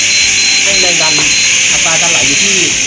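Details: Oxygen concentrator, 5-litre model KSW-5, running at minimum flow while set up for nebulizer use, with a steady loud airflow hiss and a man talking over it.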